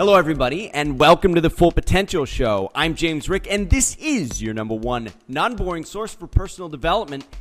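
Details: Adult man speaking, light background music; ordinary speech.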